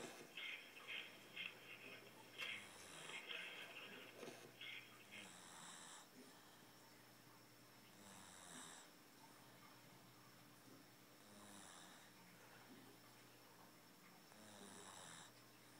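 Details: Jack napping: soft, whistling, nasal snoring breaths repeating every few seconds over a faint steady hum; snoring.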